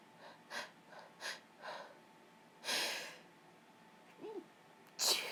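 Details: Woman sneezing while ill for a few days: quick breaths in, then two sharp explosive sneezes in a quiet room; sneeze.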